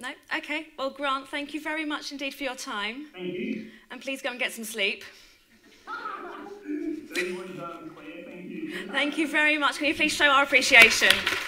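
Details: Adult woman speaking; typical speech.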